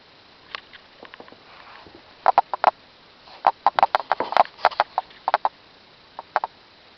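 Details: Night-time cough in a 10-year-old female Ragdoll cat, several times a night, starting about a week ago, with no food or litter changes: a run of short, sharp, dry hacking bursts in rapid clusters.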